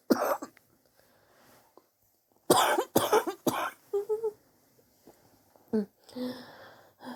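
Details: Bouts of harsh, forceful coughs in quick runs with throat clearing between, from someone coughing for weeks and sore from it; chest X-ray pending to check for pneumonia; suspected bronchitis.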